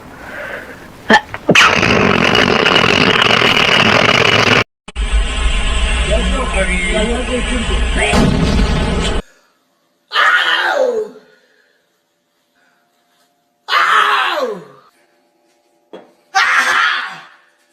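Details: Loud music and talk, then three separate short, forceful sneezes, each a sharp burst with a falling vocal tail.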